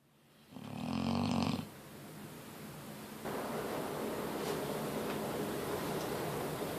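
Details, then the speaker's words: 8-year-old female Neapolitan Mastiff asleep, snoring loudly enough to wake the neighbours below: a loud, rough, rattling in-breath followed by steady room noise; heavy snore from a large dog. "all right so we're about to sneak up on my Mastiff she snores so loud I have no idea how this is possible the neighbors that live below us in our building hear her snoring"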